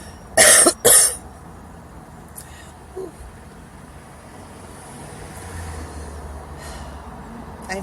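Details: Woman coughing, first time smoking a Black & Mild cigar, finds it too rough to deep inhale: two loud, harsh coughs in quick succession, then quiet with outdoor traffic noise; cough.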